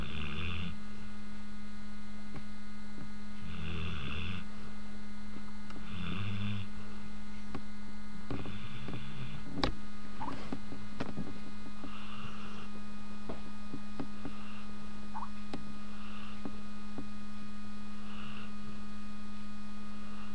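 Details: Labrador dog snoring in sleep: soft, rhythmic snoring breaths under a steady electrical hum, with a few clicks and rustles.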